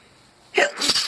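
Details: Single sneeze at work, from a person unsure whether it is illness or an allergy with an unknown trigger: a quick sharp intake, then a loud, hissing, explosive burst of air.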